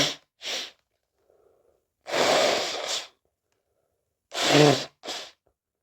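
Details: Several sneezes, some with a sharp in-breath before the burst, and one drawn-out sneeze, quiet room between; sneezing variations.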